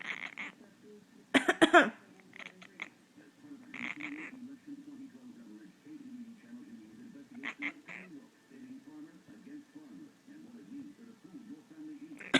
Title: Coughing Kitty